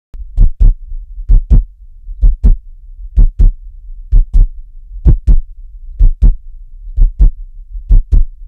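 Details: Regular paired lub-dub heart sounds at about 64 beats a minute with quiet gaps between beats; heart sounds.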